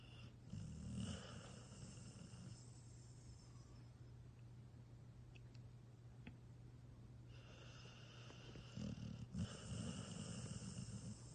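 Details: Snoring in a sleeping dog: low, rumbling snores on the in-breath, with a quieter stretch in between.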